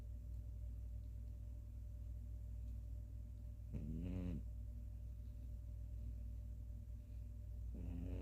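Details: Two short vibrating breath sounds a few seconds apart over a steady low hum: soft snoring from a female cat sleeping after play.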